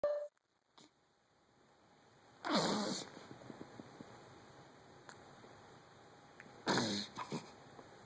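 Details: Cat with hiccups: two abrupt, sharp bursts about four seconds apart in a quiet small room, faint rustling between them.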